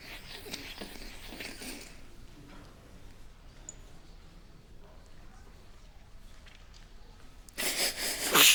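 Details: Soundtrack of a short student animation, not a real patient: a bright hissy burst at the start and another forceful burst at the end, quiet room noise between; sneezing.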